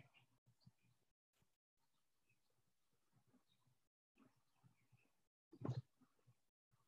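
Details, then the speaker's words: Soft, scattered bird chirps over a low background rumble at ordinary loudness: a normal-hearing listener simulation used as the reference in a pediatric hearing loss lecture. "this is that normal listening normal listener that you were hearing earlier with the child's voice so that's a child using a regular normal voice talking to a normal hearing listener"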